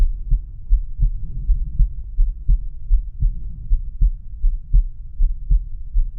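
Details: Normal heart sounds from a male heart, auscultated with the stethoscope diaphragm across the aortic, pulmonic, Erb's point, tricuspid and mitral/apex areas.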